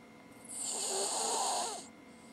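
One long, rattling snore, breathy and hissing, from a small sleeping dog.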